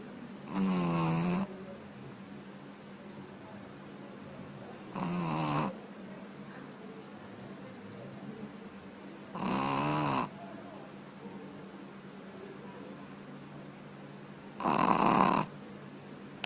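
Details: Snoring from a sleeping puppy: four loud, rattling snores about four seconds apart over quiet breathing, roughly 14 per minute; ordinary sleeping snores.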